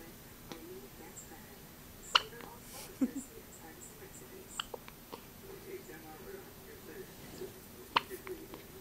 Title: First hiccups